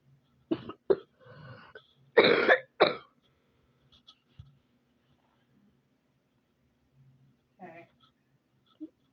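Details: A few short, sharp coughs in a quick cluster in a quiet room, then quiet with faint noises; the person calls them their own "preppy" coughs.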